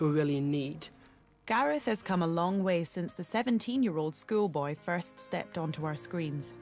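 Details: Adult female narrator; typical speech.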